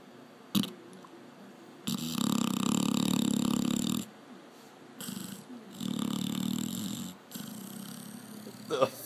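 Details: A sleeping Labrador dog snoring with loud, rough, rumbling breaths and pauses between them; snoring.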